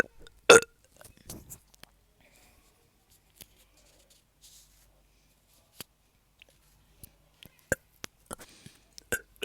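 One loud burp, then a run of smaller burps and soft throat sounds in a quiet room.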